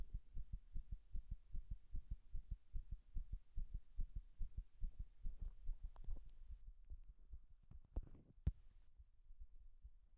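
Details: Heart sounds recorded during 6 minutes of compression while standing against a wall: low, muffled thumps with uneven spacing and shifting strength, an irregular heartbeat (arrhythmia).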